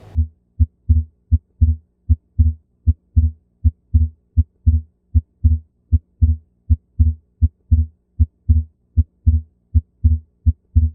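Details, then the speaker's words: Regular heartbeat near 77 a minute with a doubled second sound, a lub-dub-dub rhythm: split S2, either physiological or from an atrial septal defect. "هسه بعد ما سمعتوا السبلتين اللي يصير بالسكند هارت ساوند سواء كان فيسيولوجي اوك نتيجه الاي اس دي"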